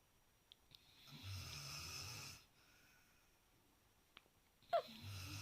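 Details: Snoring: one low, rattling snore lasting over a second, then a quiet pause before the next begins, with a few soft clicks in a quiet room.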